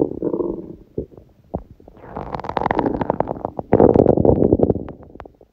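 Loud, prolonged gurgling and rumbling with rapid irregular pops and squeaks; ordinary hunger bowel sounds.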